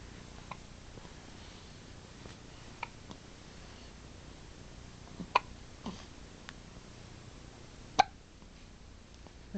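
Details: Baby who has just eaten, lying kicking with a clean diaper: a few faint, sharp little hiccup clicks at irregular intervals in a quiet room.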